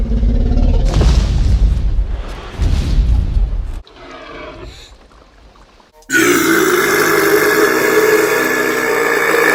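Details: Long, deep, rumbling belches dubbed over a film T-Rex's roars as an edited comedy clip, followed by film sound effects and music.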